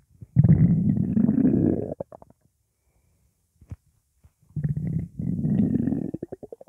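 Two long, low gurgling rumbles from the belly with a quiet gap between them. Ordinary hunger-related stomach growling.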